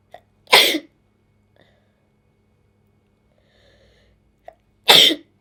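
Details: Woman applying makeup, can't stop sneezing: two sharp, explosive sneezes a few seconds apart, each preceded by a quick intake of breath; repeated sneezing.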